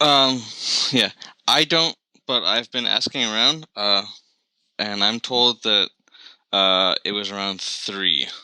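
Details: Adult man who has stuttered since about age 3, with onset around when he developed Lyme disease; full-blown by middle school, now somewhat controlled with bad days or weeks; blocks and repetitions eased by briefly closing his eyes; stuttering.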